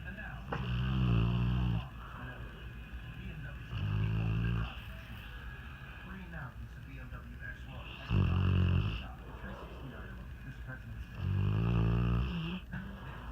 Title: SNORING GOLDEN RETRIEVER